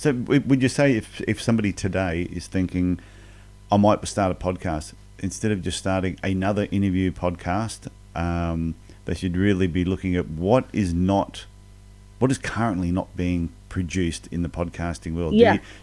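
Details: Adult man speaking; normal speech.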